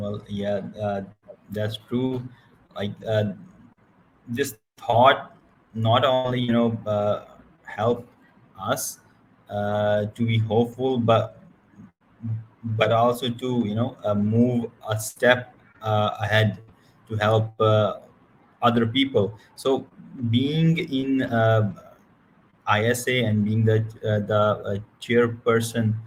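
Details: Adult male who stutters; he says his stutter was extremely severe in college and that he will never be fluent; stuttering.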